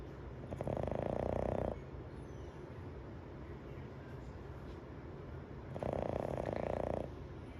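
Two long, rattling snores about four seconds apart, quiet breathing between them; ordinary snoring.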